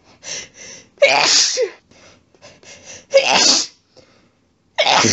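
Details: Adult pet sitter's rapid sets of wet sneezes, each led by quick catching inhalations, in close succession; sneezing fit triggered by a cat lying under the chin in bed after being sneezy all day.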